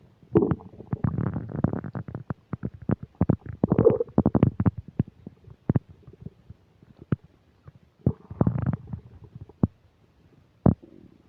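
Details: Stomach noises recorded while eating a burger and fish fries, upset digestion: loud bursts of gurgling and rumbling with sharp pops and bubbling; borborygmi.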